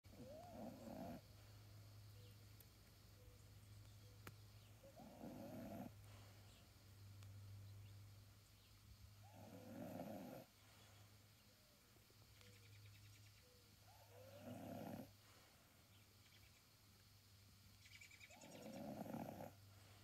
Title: outdoor snore